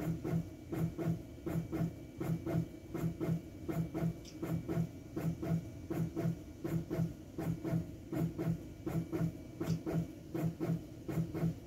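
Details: Intra-aortic balloon pump operating sound.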